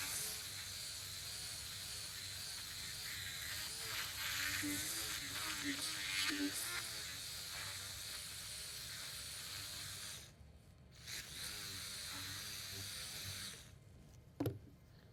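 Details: High-pitched whirring of a small powered burr cutting bone, pitch changing as it bites, run counterclockwise on the dorsal cut of the medial cuneiform during minimally invasive Lapidus bunion surgery joint preparation.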